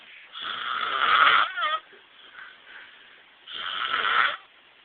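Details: An adult man asleep in a trailer, snoring loudly enough to be heard outside: two loud, rattling inward snores about three seconds apart (roughly 19 breaths a minute), with quiet pauses.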